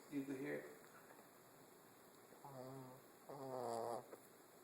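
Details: Light snoring in sleep: soft, buzzing, fluttering breaths in short bursts, some on inhalation and some on exhalation.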